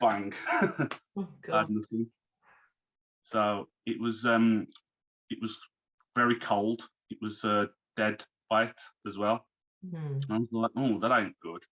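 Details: Man, now 34, who had a stroke at 33 about three months earlier, losing speech, reading and writing; recovering, with speech worse when tired; aphasia after stroke.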